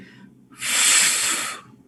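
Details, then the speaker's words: Vocal imitation of the systolic ejection (expulsive, diamond-shaped, mid-systolic) murmur of aortic stenosis: breathy hissing whoosh about a second long, swelling and fading, then brief voice. "ruido es sistólico es un sopor sistólico de estenosis ok es un soplo expulsivo"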